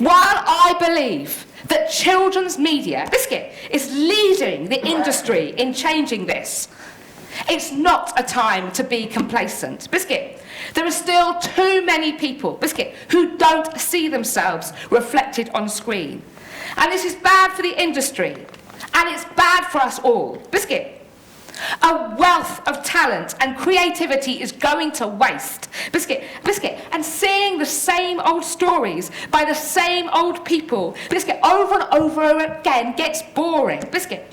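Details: Woman with Tourette syndrome producing uncontrollable vocal tics, including repeated words; Tourette syndrome vocal tics.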